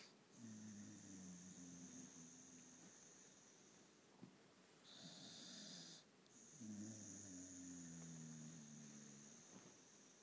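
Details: Snoring from a Staffordshire bull terrier foster dog asleep after two days of exercise matching a border collie: long, buzzing, rattling breaths with quieter pauses between, and a high steady background hum.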